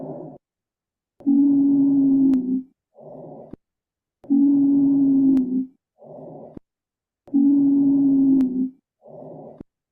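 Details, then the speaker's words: Wheezing: about 20 breaths a minute, each with a steady musical whistle on the longer breath phase, played as an example of wheeze in an asthma symptoms talk. "so as you can hear it is that Whistling noise while the patient is breathing um which is referred to as weezing"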